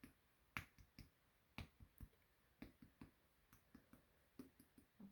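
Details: Patient lying on a couch during a physical exam, after abdominal percussion found tympany: about fifteen short, flat taps in groups of three over the left flank with little resonance, fitting dullness over the spleen.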